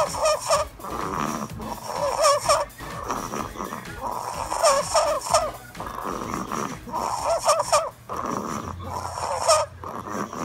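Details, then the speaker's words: Sleeping baby girl snoring: regular rasping, slightly whistly breath noises about every two seconds, roughly 25 a minute, against steady room noise. "is sleeping, and she's really sleeping. If you listen closely, you can hear her snoring."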